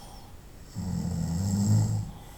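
One low, rattling, vibrating breath lasting over a second, rising then fading: a single snore during sleep.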